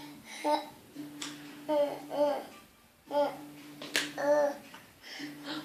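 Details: Baby boy laughing while watching his mother throw and catch a clementine; his laughing coos are broken by brief, abrupt catches about every second: hiccups interrupting laughter.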